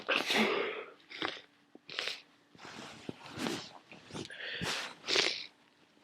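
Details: Sneezing from a worsening common cold: several sneezes and sniffs in quick succession with wet nasal blowing.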